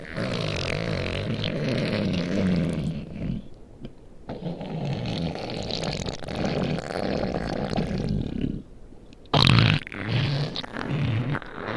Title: my stomach growling